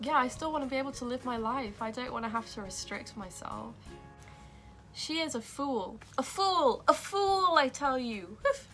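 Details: Young woman with Tourette syndrome that began at age 12, tics sometimes interrupting her speech; vocal tics (Tourette syndrome).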